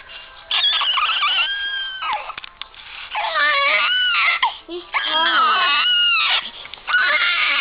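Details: Two-day-old newborn with hiccups: high-pitched, wavering crying in long wails with brief catches of breath between them; newborn cry.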